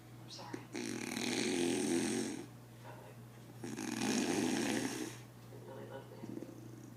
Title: Proof That My Dad Snores